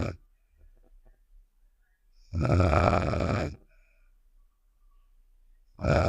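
A single loud, low, rattling snore lasting about a second, set between quiet gaps; a cartoon sound effect.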